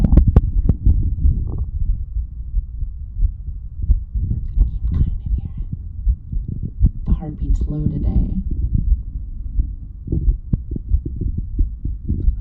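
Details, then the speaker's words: Low, muffled heartbeat thumps at roughly 88 a minute from a woman in a binaural whisper recording, described as quieter than usual and partly masked by rumble and a brief whisper. "Apparently my heart is not so loud today, which is a bit unfortunate."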